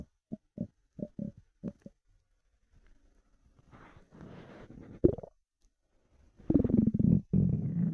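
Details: Bowel sounds from an empty stomach after 4 hours without food: short low gurgling pops, then longer rumbling growls from the belly; normal hunger-related borborygmi.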